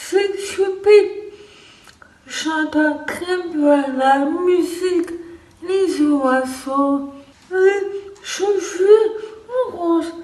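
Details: Deaf or hard-of-hearing woman who says she does not understand speech well; deaf speech.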